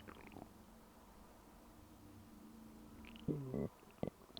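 Brief gurgling, squeaky rumbles from the belly over quiet room noise; ordinary stomach growling.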